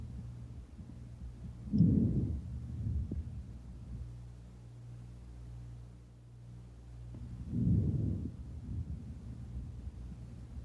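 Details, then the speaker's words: Soft, low rustling normal vesicular breath sounds over the chest, from expanding healthy lung tissue. "entonces este es un ruido vehicular"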